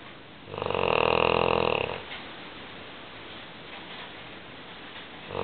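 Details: English Mastiff, female, snoring loudly in sleep: one loud, rattling snore lasting over a second, then quiet breathing and the start of another.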